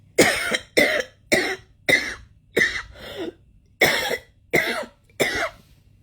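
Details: A run of nine harsh, loud explosive coughs about two-thirds of a second apart from an adult in bed with a persistent cough for several nights, first thought to be a cold or dust irritation; cough.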